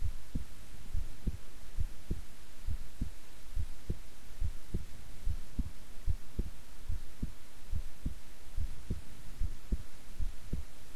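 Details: Own heartbeat recorded at length while keeping still and relaxed: steady low beats at about 70 a minute over a constant hum; normal resting heart sounds.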